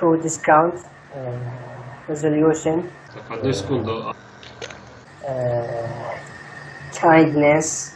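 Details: Stuttering in a student enrolled in Breakthrough-method speech gymnastics therapy, speaking during a session; stuttering.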